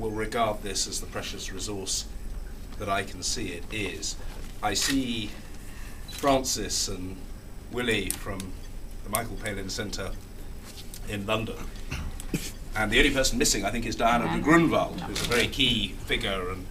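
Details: Adult male speaker; normal fluent speech.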